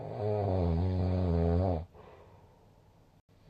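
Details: Snoring with a score of 166: one loud, low, buzzing snore lasting under two seconds, then quiet breathing noise.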